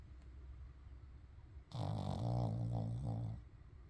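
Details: A sleeping dog that snores loudly and wakes its owner: after quiet breathing, a single loud, rough, rattling snore lasting under two seconds; ordinary snoring.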